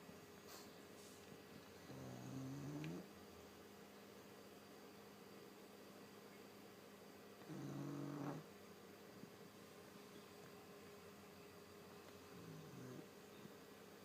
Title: Pug snoring